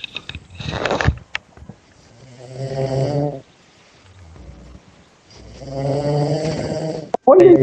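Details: Two drawn-out, buzzing snores on the in-breath with soft breaths between, from a man asleep during a voice call, picked up over the call with brief noise at the end; snoring.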